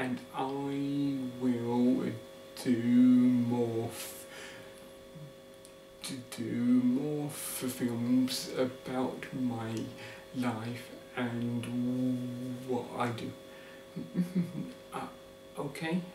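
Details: Adult man living with a stammer; stuttering.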